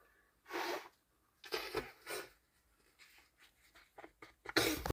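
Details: Woman with a cold sneezing: several short, breathy, explosive bursts in a quiet room ending with a louder one; a run of sneezes.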